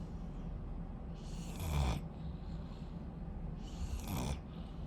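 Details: Rottweiler puppy snoring in sleep: two deep, rattling snores about two and a half seconds apart over steady low background noise.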